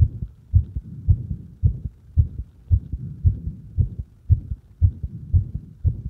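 Steady lub-dub heart sounds about 110 a minute, heard at the apex with firm stethoscope pressure; normal heart sounds.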